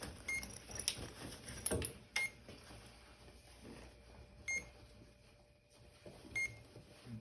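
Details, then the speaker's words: Short high beeps recur every couple of seconds over quiet room noise and handling sounds as a Duopa infusion pump runs its start-up self-tests during the morning connection. "all right and then that's ready now I connect so it's got it's running itself tests"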